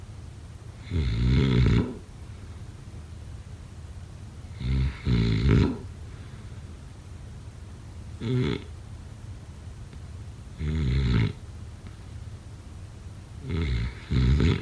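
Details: Snoring during sleep: loud, low, rattling snores on each in-breath, five bursts a few seconds apart, some in double pulses, with quiet between.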